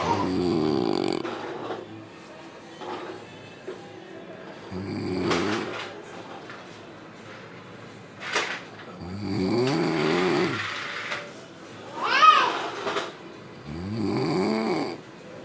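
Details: Loud snoring from an adult man who drinks a lot of alcohol; wife suspects sleep apnea, seeing him seem to stop breathing for seconds; loud harsh irregular snores with snorting catches and uneven gaps.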